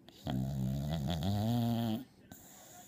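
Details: Loud, deep, rattling snore lasting almost two seconds from a sleeping dog named in the clip; snoring.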